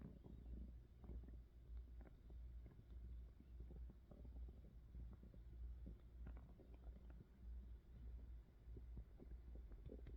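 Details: Hunger pains with stomach growling, recorded close to the belly: steady low rumbling with irregular gurgles and bubbling pops from gas and fluid moving through the gut; ordinary borborygmi.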